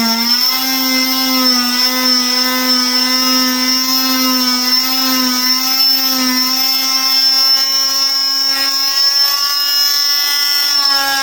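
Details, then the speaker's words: Steady high-pitched whining buzz of an oscillating cast saw cutting a female patient's below-knee cast, cross-hatching where the two cuts join and keeping skin away from the blade, with a slight waver along the cut. "Now you'll notice I kind of separated the skin away from the saw when I did that again on this side."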